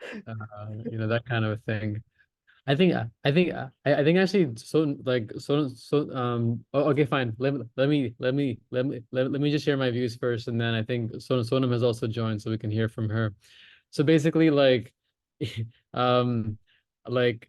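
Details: Stammering (stuttering) in a male participant of a stammering association's online practice group who practises voluntary stammering; repetitions and fillers.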